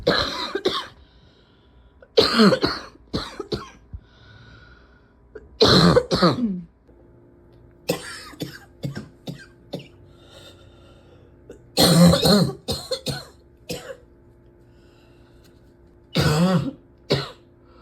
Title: #65 - coughing and coughing…and coughing…